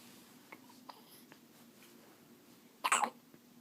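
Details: Baby girl's hiccups: faint, short clicks, then one louder, sharper burst near the end, against quiet room noise.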